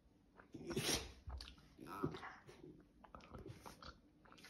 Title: Dog cough